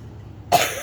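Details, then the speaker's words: Adult woman who says she has been coughing a lot this week: a quiet room, then one sudden, loud, harsh cough burst; cough. "i've been coughing a lot this week so i've been postponing changing rearranging things so that i don't have to talk so much"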